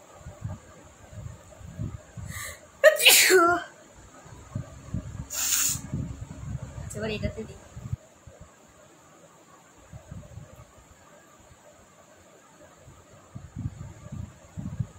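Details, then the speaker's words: Two loud, sharp sneezes close together, with quiet talk around them, from a person doing a sneezing challenge, repeatedly induced with chili powder and by tickling inside the nose. "আর আজকে পরপর হচ্ছে তো ভালোই লাগছে।"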